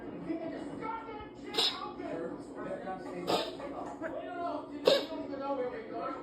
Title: Cat can’t stop sneezing 🤧 #catvideos #cat #petsrule #animallovers #kitten #catlovers #cute #petlove